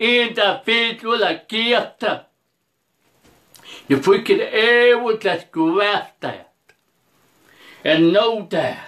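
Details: Speech impediment in an adult preacher who also reports poor vision and hearing.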